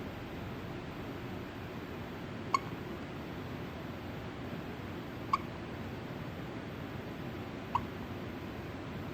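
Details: Three brief, sharp hiccup sounds a few seconds apart over a steady background hum; hiccups.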